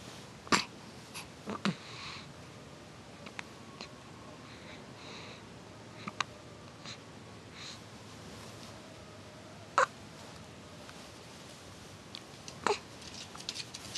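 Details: Short, sharp hiccups from a 1-week-old newborn, about seven in fourteen seconds, in a quiet room.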